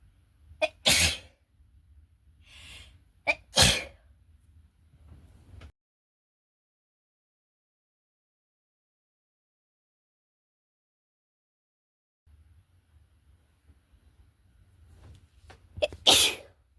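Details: Three short, sharp sneezes with brief breaths between, then a pause: repeated sneezing from a cat with a cold.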